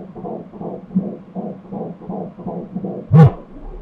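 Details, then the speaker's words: Fetal heartbeat on ultrasound at 12 weeks of pregnancy: fast, regular whooshing at 167 beats a minute, normal rate, broken by loud thumps from active fetal movement; fetal heartbeat with movement artifact. "прыжок нормальное сердцебиение просто в момент активных движений плода всякие призвуки от движений идут 167 ударов в минуту частота сердечных сокращений это норма"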